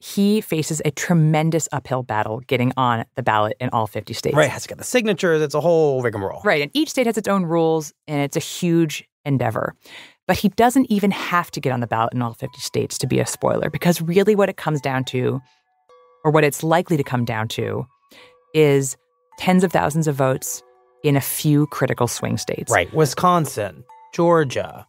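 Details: Adult speaker; normal speech.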